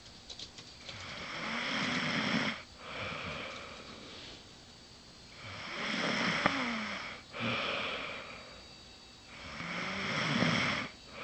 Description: haahaha she was snoring like so loud.